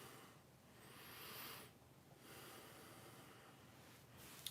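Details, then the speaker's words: Soft, airy snoring breaths from a sleeping dog lying beside the speaker, quiet against faint room noise. "The real one's right here beside me. You can hear it snoring, so."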